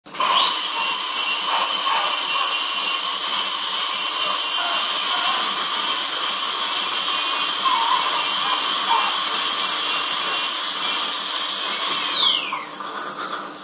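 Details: Steady, high-pitched whine of a dental drill running for about twelve seconds, then winding down.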